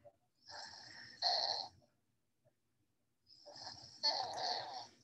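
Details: Sleeping child's snoring presented as a pediatric ENT noisy-breathing example: harsh, rattling snoring breaths with short silent gaps, fitting snoring in obstructive sleep apnea.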